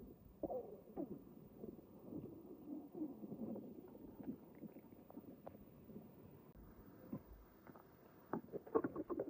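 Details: Micless recording of a stomach the morning after a stuffing session: continuous low gurgling and rumbling with scattered sharp pops; borborygmi (bowel sounds).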